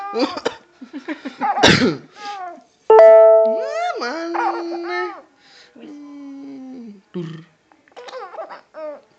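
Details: A father coughs in a burst while laughing and playing with his child, whose playful voice is heard: an ordinary cough during laughter.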